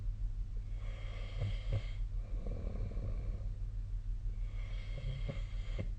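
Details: Sleeper recorded with the SnoreLab snoring app during sleep: snoring sounds.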